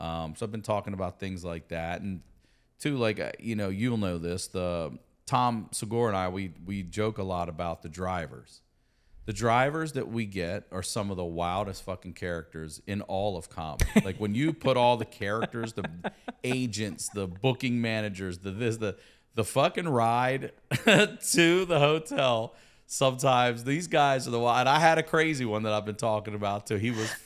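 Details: Adult man speaking; typical speech.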